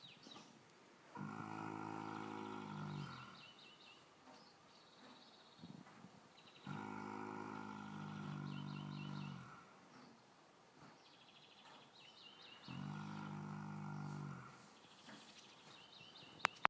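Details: Loud, low, buzzing snores about ten a minute, each about two seconds long, with birdsong behind: snoring.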